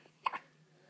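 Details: A newborn girl one day after birth with hiccups. One short, soft hiccup in a quiet room.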